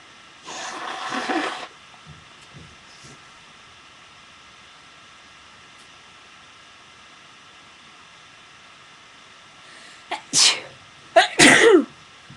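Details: Person sneezing repeatedly with a friend: a breathy burst early, near silence, then two sharp ordinary sneeze bursts near the end.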